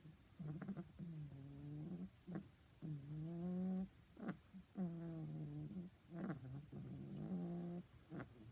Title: Dog snore